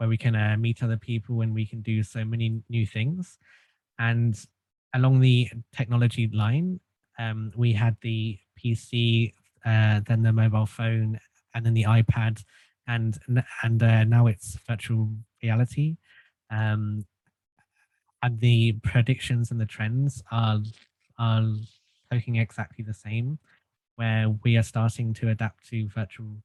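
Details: Stuttering in an adult male since childhood, treated with group speech therapy; stuttering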